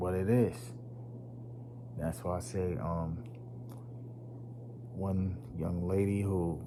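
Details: Man who stutters; he says it was once so severe he could not talk, links it to his nervous system, and says it worsens when nervous around unfamiliar people; stuttering.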